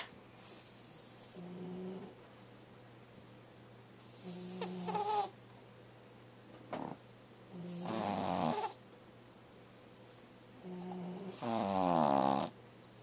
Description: Our Baby Frenchie--Channa, Snoring Like Crazy.